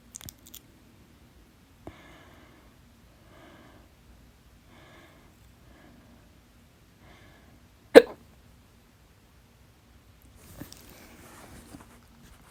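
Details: One loud, sharp hiccup in near silence, during a 30-minute bout of stubborn fast hiccups late at night; holding the breath failed until the fourth attempt; hiccups.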